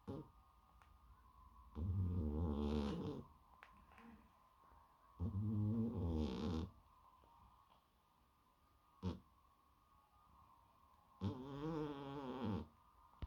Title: One snoring lazy exotic cat back to his old tricks - snoring louder then ever :D #cat #shorts